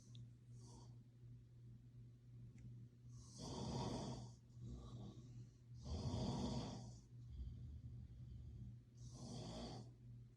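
Low, rumbling snores on each breath, about three in ten seconds, with soft breaths out between; ordinary snoring.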